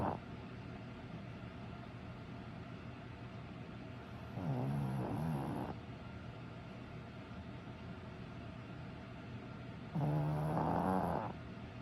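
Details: A sleeping Shih Tzu dog snoring: two slow, low rumbling snores about six seconds apart over a steady room hum.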